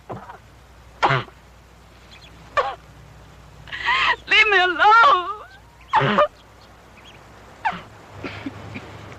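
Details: Acted coughing by an adult woman: about four sharp cough bursts with a wavering voiced groan between them.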